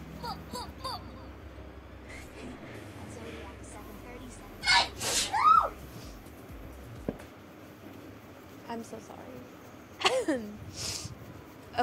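Two sharp sneeze bursts with a quick gasping intake, set among quiet talk and room noise; repeated sneezing.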